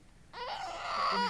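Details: A single short, rising cry from a newborn after a brief quiet moment, during a newborn hearing test (brainstem response) done while the baby sleeps.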